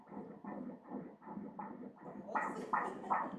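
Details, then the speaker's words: Fetal heartbeat on Doppler at 14 weeks of pregnancy: fast, regular whooshing pulses at 159 beats per minute, said to rise to 160–170 when the baby is agitated. "इथे बाळाचे हृदय धडधडते... 159 प्रति मिनिट धडधडते अगदी इथे आधीच बाळ भावूक झाले आहे (हसते)"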